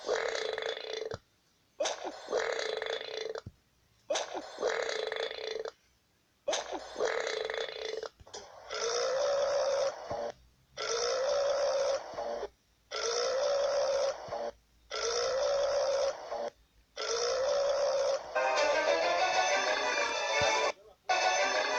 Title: Burps compilation 10